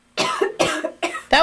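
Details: Three quick, deliberate coughs, muffled as if into a sleeve, performed as a demonstration of cough etiquette to prevent the spread of flu germs.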